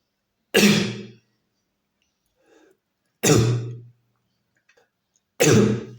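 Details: Three loud, harsh single coughs from an adult, about two to three seconds apart in a quiet room, captured as ambient sound for real-time AI cough detection.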